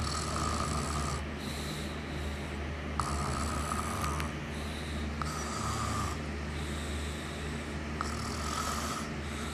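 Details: Rhythmic rough breathing noises repeating every few seconds over a steady low background hum; snoring during sleep.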